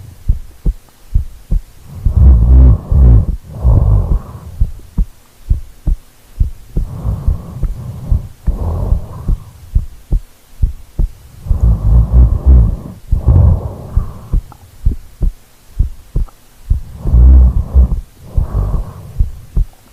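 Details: Real sleeping heartbeat recorded, listened to as ASMR: regular soft thumps at about 70 a minute with slow deep breaths behind them; normal heartbeat.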